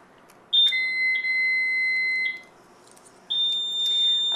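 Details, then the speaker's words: Baxter infusion pump switching on after its tubing is loaded into the track: high-pitched electronic tones, a long two-second tone, a pause, then another, before a primary rate of 125 mL/hr is programmed. "the pump will not run unless you have the tubing in the right spot then we're going to hit the on"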